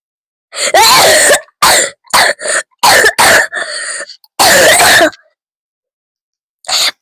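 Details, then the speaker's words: Series of about seven forceful, harsh coughs with throat clearing in quick bursts separated by brief pauses, coughing hard enough to bring tears. "Bye guys. I'm I'm still crying cuz of how hard."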